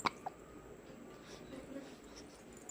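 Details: Two brief sharp hiccups close together, then quiet room noise; hiccups.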